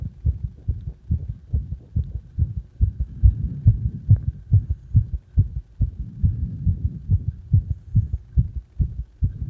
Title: My heartbeat sound during cpr